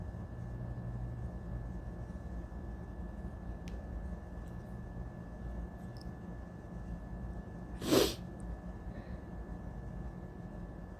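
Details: Allergy sufferer about 10-15 minutes after waking from a nap, allergies worsening with the weather: a single sharp sneeze in a quiet room with steady background hum; sneeze.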